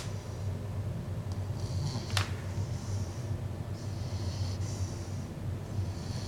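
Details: A dog snoring while asleep on a person's lap: low rumbling breaths repeat steadily, with soft snorting and whistling noises at the nose.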